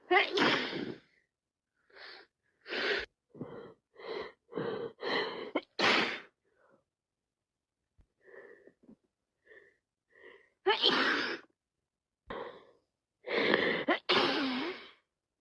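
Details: Repeated sneezing with a wet head cold: a series of sharp, wet sneezes with sniffles and short catch breaths between them, in a quiet room.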